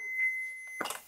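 A steady high electronic tone, then a brief click-like burst: an automated defibrillator's warning tone before a shock in a manikin demonstration.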